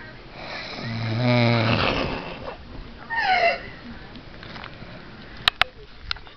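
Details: Person snoring: a loud, rattling snore on a breath in, followed by a rougher, higher snort, then quiet room noise. Snoring.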